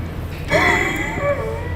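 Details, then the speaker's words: Lab spirometry FVC/FEV1 test on a man: a sudden loud rush of air as he blows out hard and fast in a forced exhalation, while the tester coaches him with "go go, keep going", then tells him to inhale. "go go go go go go keep going keep going keep going keep going keep going go go go go go go go go and inhale there you go so you can hear me coaching him along"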